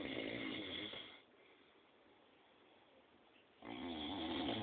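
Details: A grandfather snoring very loudly in his sleep: a rasping, fluttering breath sound, then a quiet pause, then it returns.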